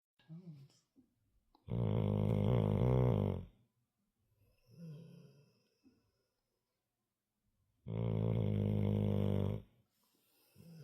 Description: Our dog’s got a whole chainsaw soundtrack going, but my wife still thinks it’s me. 🐾💤